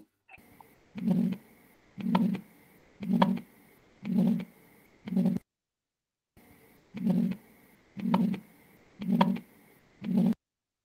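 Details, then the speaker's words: Systolic heart murmur in an interactive clinical case: regular heartbeat about 57 a minute, each beat followed by a drawn-out whooshing sound; recording quality noted as not very representative. "Jeff que tout le monde un petit peu la la réponse un souffle systolique. Alors donc comment décrire un souffle ?"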